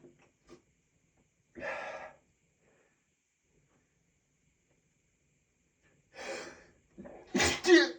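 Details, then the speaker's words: Male with allergies during a sneezing fit, pinching his nose: muffled build-up breaths, then a forceful sneeze held back, ending in a strained burst; stifled sneeze. "Oh god. Oh my god. I can't I can't do it. Oh my god. I just can't I can't do it. And I pinch my nose."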